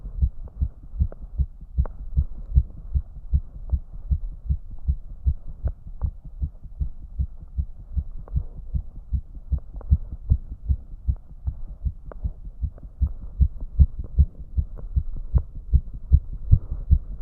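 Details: Male heart sound with rapid, regular low thumps at about 150 beats a minute after trying to raise the heart rate (it rose less than expected): fast heart sounds, tachycardia.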